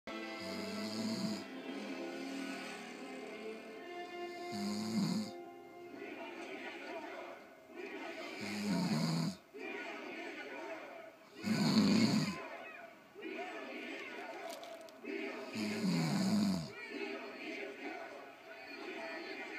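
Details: Husband snoring in bed: loud, rough snores recurring every few seconds, about five in the stretch, over television talk and music in the background.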